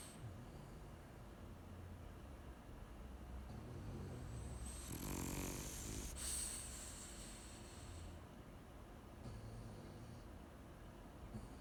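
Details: Low, rough snoring breaths from sleeping dogs against steady background noise, loudest near the middle; snoring duet.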